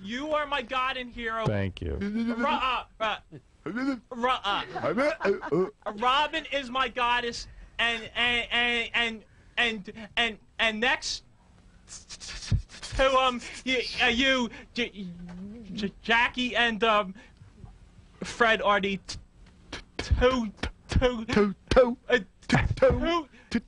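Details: Adult man, real caller, who stutters, with a stammer the hosts remark on; stuttering.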